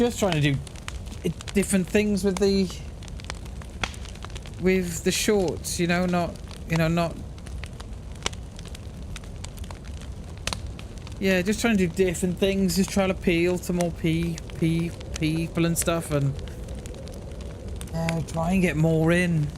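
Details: Male streamer who says he has a speech impediment and stutters, and who swaps words or adds words like 'the', 'a' or 'an' to avoid stuttering; stuttering.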